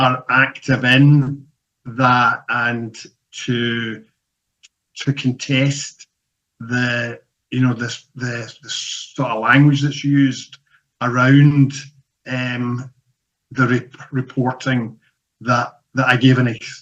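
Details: Stuttering (stammering) in a man who describes himself as a person who stammers; stuttering.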